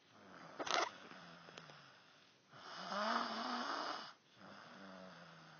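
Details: Man snoring heavily: loud, rattling snores with a low fluttering buzz on each breath, separated by quieter breathing.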